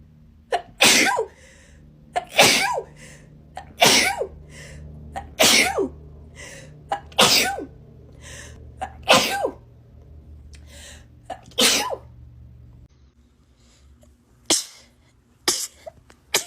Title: TikTok Rapid Sneezing Compilation